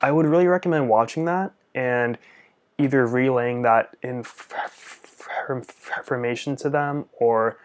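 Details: Stuttering in an adult male speech-language pathologist who uses upper-body jerks as secondary behaviours and also has Tourette's syndrome with facial, jaw and neck tics; his father also stuttered.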